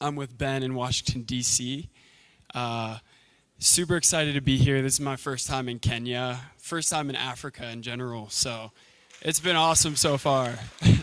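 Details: Adult man speaking; normal speech.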